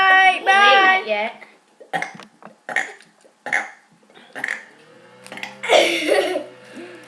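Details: Male in an informal burping contest: about a dozen short voiced burps of varying pitch in quick succession; repeated voluntary belching.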